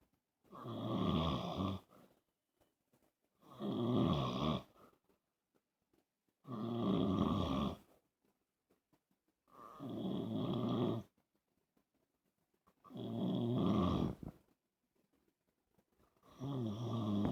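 Loud, rough, rhythmic snoring at about 19 breaths a minute from a man with sleep apnea.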